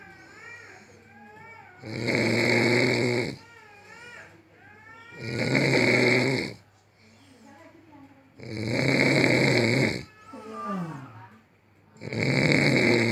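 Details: Very loud, rough snoring, described as the world's number one snore: snores about every three and a half seconds, roughly 18 breaths a minute, with faint squeaky sounds between them.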